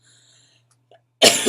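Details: A single loud, harsh cough burst, cut off, after near silence with a faint hum, from a person with chronic illnesses who has acute bronchitis with asthma complications and is taking prednisone.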